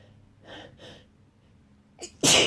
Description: Woke up with a tickle in my nose and here we are Again with this wet sneezing fit in bed...( with noseblow in the middle of the vid )